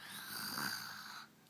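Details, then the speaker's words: Sleeping baby snoring: one soft, hissing, rough in-breath, light snoring, with an adult voice faintly in the room. "pero cierra los ojos por qué roncas te gusta roncar más allá"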